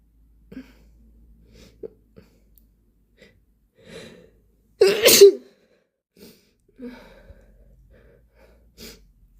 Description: These sneezes came out so wet. I accidentally sprayed my arm and phone with mucus while recording this 😅